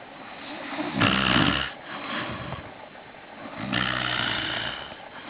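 Loud, rough, rumbling snores with each breath, irregular in strength, from a sleeper; snoring.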